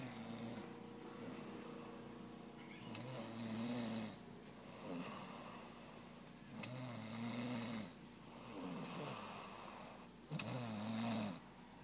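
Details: Rhythmic low snores, about 16 a minute, each with a rough groaning tone, over quiet room hum; snoring.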